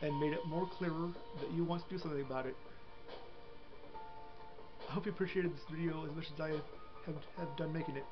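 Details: Man with a self-reported, often-noticed stutter, a speech disability and a learning disability, after many weeks and months of speech therapy; mild stammer, then a pause and recovery: stuttering.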